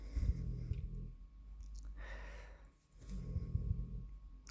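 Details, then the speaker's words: Snoring from a sleeping pet: two low, rumbling snores separated by a softer breathy exhale, against quiet room noise; ordinary snoring. "Ah, on entend Marty qui ronfle, ça y est, il commence."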